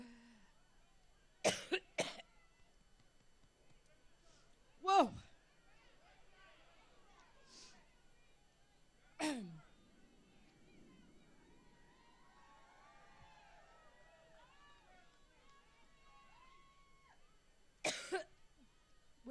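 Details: Five sharp, separate coughs over about twenty seconds, with faint room noise between them, from a speaker at a political rally who jokes about being allergic; a coughing fit.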